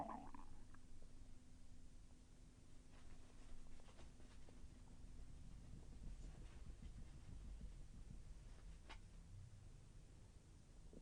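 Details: Stomach sounds during digestion, with intestinal movement felt as slightly painful: soft, low gurgling and rumbling over steady background hiss; bowel sounds (borborygmi).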